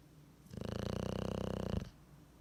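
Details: Bulldog (Willie) with tongue hanging out, sleeping: one loud, rattling snore lasting over a second with a fluttering buzz; snoring.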